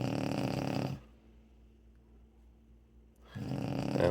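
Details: Adult woman asleep: loud, rough, rattling snore with a quiet pause between breaths; a coarse, buzzing inhalation typical of heavy snoring.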